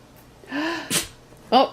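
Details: A dog gives a brief whine, then one sharp, explosive nasal burst with a short high yip during repeated tries with the owner's praise; a single ordinary dog sneeze.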